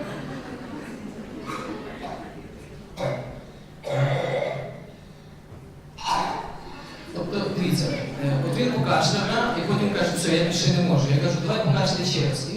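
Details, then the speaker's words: Boy with psychogenic (habit) cough, a diagnosis of exclusion, worse when watching films or gadgets: loud, honking, barking coughs repeated identically, described as typical tracheal cough. "Але все ж таки, якщо ви зараз поглянете на цього хлопчика, який має психогенний кашель, то я думаю, що ви зможете зробити для себе деякі нюанси. Погодьтесь, що це типовий трахеїдний кашель."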